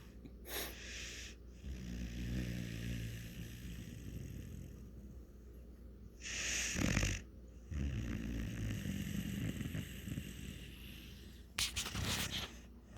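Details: Dog snoring: low rumbling breaths broken by a few louder snorting exhalations.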